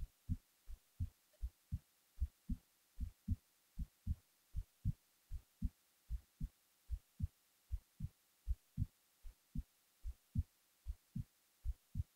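Regular low thumps in pairs, about 76 beats a minute, against a quiet background: a steady heartbeat while falling asleep.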